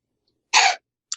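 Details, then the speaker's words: Cat coughing up a hairball: a single short, harsh hacking burst. "and if you can hear that sound that's the sound of a cat"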